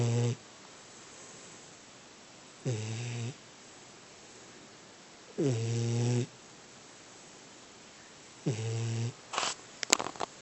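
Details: Snoring during sleep, audio only: low, rumbling snores recurring every two to three seconds, about 20 a minute, with quiet between.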